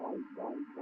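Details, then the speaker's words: Fetal heartbeat picked up by a handheld fetal Doppler probe held on the mother's abdomen: rapid, rhythmic whooshing pulses. "fetal heart is so small that slightly shifting the angle of the probe we make it possible to hear the heartbeat"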